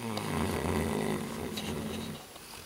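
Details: Low, rumbling, rattling snore during one long breath in a noisy room; snoring.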